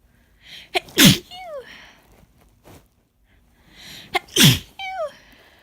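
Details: Adult with a cold that is easing, voice lost, constant tickle deep in the nose, deliberately inducing sneezes: two messy sneezes, each a quick inbreath then a sharp explosive burst and short trailing sound.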